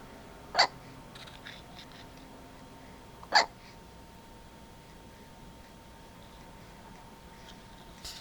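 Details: Sleeping cat with hiccups: two brief, sharp hiccup sounds about three seconds apart in a quiet room.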